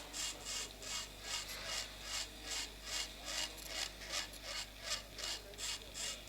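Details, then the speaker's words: Rhythmic high-pitched rasping drill strokes, about two to three a second, sequentially thinning bone over the facial nerve during a cadaveric temporal bone dissection demonstration; bone drilling during temporal bone dissection. "In live situation, you have to use a diamond drill with lots of irrigation."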